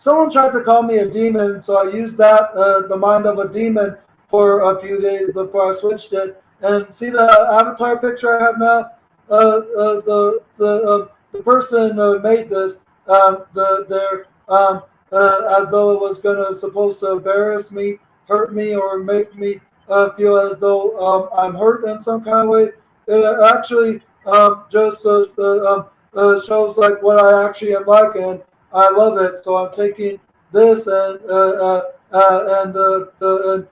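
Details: Stuttering in a 32-year-old man who reports lifelong autism, ADHD, bipolar mood disorder and seizure disorders.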